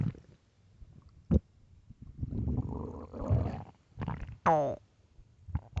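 Low gurgling rumbles with a few sharp squeaky gurgles, typical loud stomach growling from hunger; a normal bowel sound.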